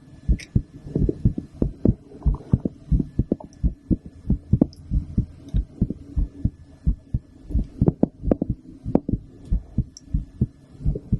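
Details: Fast, steady low thumping of an adult woman's heartbeat through a stethoscope after her second blood draw in a week, faint hum and light handling noise, ASMR recording; heart sounds.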